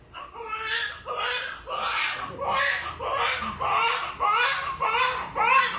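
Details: Rhythmic bursts of crying, about 100 a minute, each with a short breath between, from a newborn baby boy just after normal vaginal delivery at a clinic; a strong normal newborn cry.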